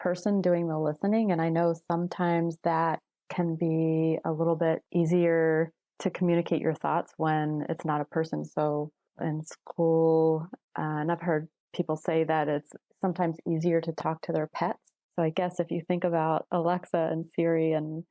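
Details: Adult woman speaking; typical speech.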